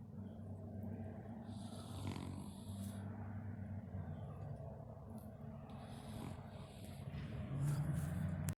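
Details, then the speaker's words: A pot-bellied pig lying in its hay after eating snores: a steady, low, rumbling, fluttering snore under ongoing room noise. "Hey, y'all, Chris done got a little spot in his hay that I got him. He's snoring."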